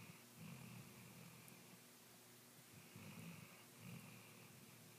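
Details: Quiet snoring: soft, low, rattling breaths recurring every few seconds against a steady background hiss.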